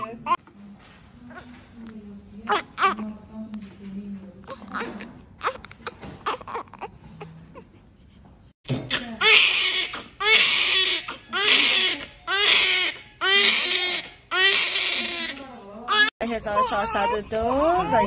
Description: crying babies after c-section😭😢😪🥺